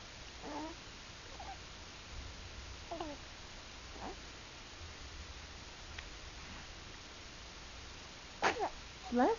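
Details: Young child, a first kid, in a quiet room making soft vocal sounds, then a sudden sharp sneeze burst near the end.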